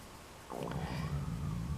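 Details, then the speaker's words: Stomach rumbling (borborygmi) at lunchtime in an adult dieting since a peach breakfast: after a quiet start, a low, drawn-out gurgling rumble with a brief squeaky rise. "you can't hear that much my stomach rumbling if you can hear that noise it's lunchtime"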